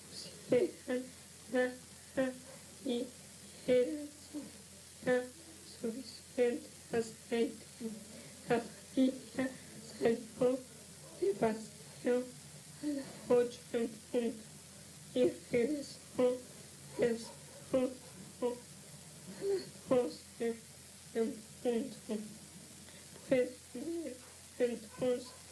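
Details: 17-year-old at initial evaluation, reading aloud, with psychogenic dysphonia; almost unintelligible with poor breathing-phonation coordination.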